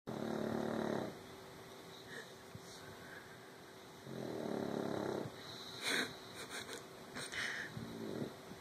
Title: My Dog snores really loud!